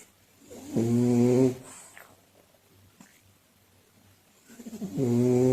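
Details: Sleeping French bulldog, owner unsure whether purebred: two loud, buzzing, low-pitched snores with a quiet pause between them; loud snoring.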